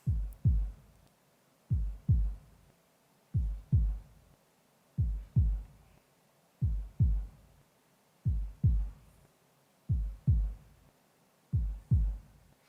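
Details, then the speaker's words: Sonified electrocardiogram said to be a man's, converted into sound: regular paired low lub-dub thumps at about 36 a minute, with music; heart sounds. "if a cardiogram is converted into sound those are the heart sounds of so what you are about to hear the heart sounds of"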